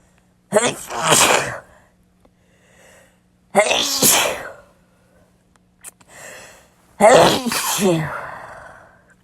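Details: Three loud sneezes, each a quick indrawn breath then a sharp burst of air, with quiet gaps between; one clip from a compilation of sneezes.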